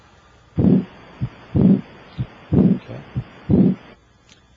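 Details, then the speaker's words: Heart auscultation with an electronic stethoscope during a breath hold, with no S4 gallop before S1 and no S3 gallop after S2: normal heart sounds. "I cannot hear an S4 Gallop before S1 and I do not hear an three Gallop after S2"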